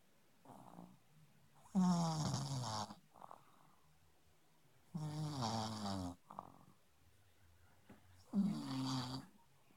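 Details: Sleeping pug: loud buzzing snores on each breath, about 19 a minute, with softer snuffles between, in a quiet room; snoring.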